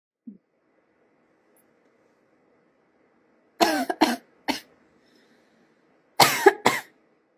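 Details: Two short runs of quick, dry-sounding coughs, about six in all, in a quiet room; adorable cough.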